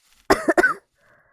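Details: Girl with a cold who says she is coughing a lot: two quick, voiced coughs in close succession in a quiet room.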